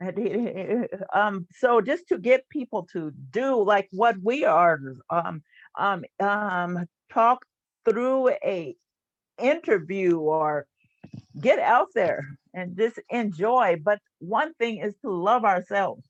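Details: Stuttering in an adult woman who stutters, a stuttering support group leader.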